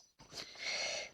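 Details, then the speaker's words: Light, hissing, whistly snore from Wawa, an elderly pet resting in the office while the owner works nearby; snoring. "On a Wawa qui ronfle. J'espère que vous n'entendrez pas."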